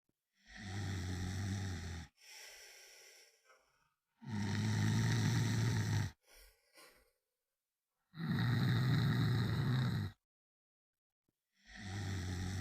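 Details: Loud, low rattling snores on each in-breath with softer out-breaths, about 16 breaths a minute; ordinary snoring.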